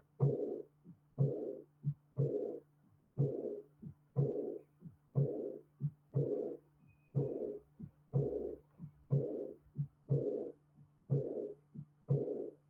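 Regular heartbeat at about 60 a minute, each beat followed by a soft blowing sound early in diastole: an early diastolic murmur of aortic regurgitation.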